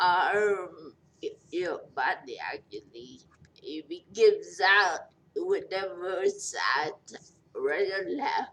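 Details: 43-year-old woman in long recovery from a major stroke, who says she is hard to understand; post-stroke speech impairment.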